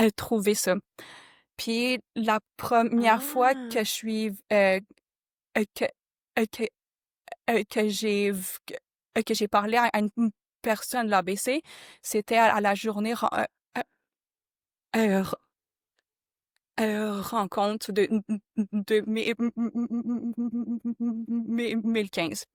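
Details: Adult who stutters, a former board member of a stuttering association he contacted in 1995; stuttering.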